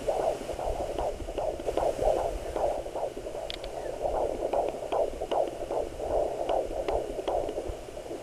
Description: Baby's heart beat on a Doppler Monitor at 15 Weeks.